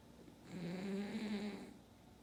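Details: Snoring only: a single drawn-out snore with a low, rumbling buzz, rising and fading over about a second.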